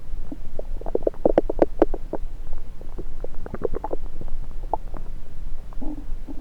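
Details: Bowel sounds recorded by a person holding a stethoscope to multiple areas of their own belly; irregular gurgles and short bubbling clicks; ordinary active bowel sounds.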